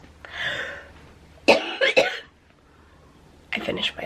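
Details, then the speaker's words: Adult with cystic fibrosis: a breathy exhalation, then a couple of sharp coughs and a later burst of coughing. "we got back from Target and I caught I was just coughing a lot and I was sick of coughing some people asked do you ever get tired of coughing yes"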